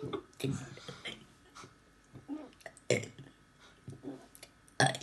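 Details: Repeated short throaty burps from a 5-year-old child experimenting, several in five seconds, with faint talk nearby; burping.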